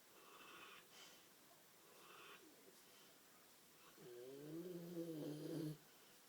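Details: Asleep and snoring: soft, breathy snores in a steady rhythm, ending in a louder, tonal, rattling snore; ordinary snoring.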